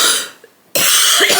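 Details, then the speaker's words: Harsh, noisy cough bursts from a heavily pregnant woman in her last week before a planned C-section, with a two-week cold, sore throat and husky voice: cough. "And as you can probably hear, I can't even talk without coughing. I can't even talk properly. Like my throat is very sore and I just don't sound like myself."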